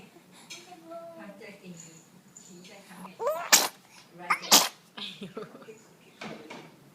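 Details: Infant sneezing: a quick rising breath in, then two sharp, high-pitched sneezes close together, with faint soft vocal sounds around them.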